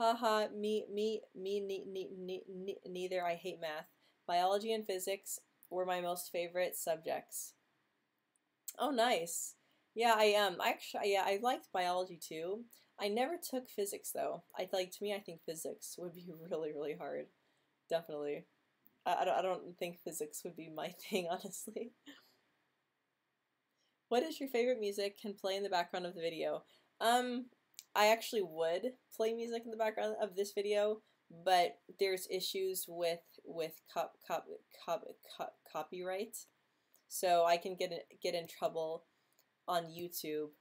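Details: Woman who says she stutters, speaking during a livestream hangout; stuttering.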